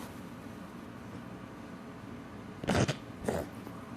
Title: cough